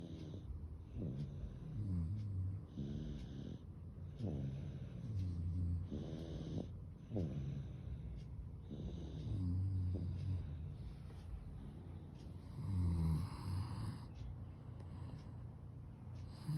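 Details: Snoring in a snore contest: low, regular snores recurring about every two seconds, with soft snorting breaths between them and faint room noise.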